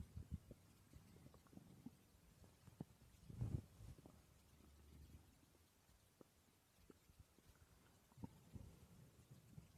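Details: Woman's stomach growling recorded while she slept: low rumbling and scattered gurgles over faint room noise; ordinary borborygmi.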